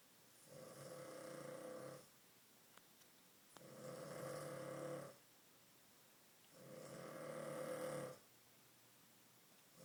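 Three long, rough snores about two seconds each, separated by quiet exhalations, roughly 18 breaths a minute: ordinary snoring in sleep.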